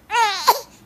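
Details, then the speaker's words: A young baby girl on a home video, who had hiccups and has just pooped before a diaper change, gives a single brief, clear, tonal wail with a short rise at the end; an ordinary infant cry. "See, listen to the cry now. Different cry again."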